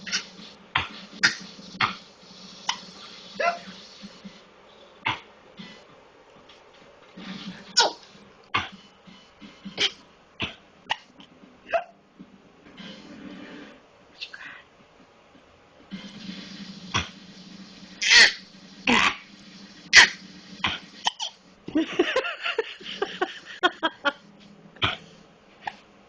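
Repeated short, sharp cough bursts come in irregular runs over a low steady background hum.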